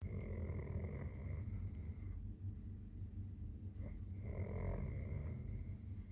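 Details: Sleeping adult man who says he never snores: low, rumbling snoring on breathing in, with a quieter pause between breaths over steady room hum.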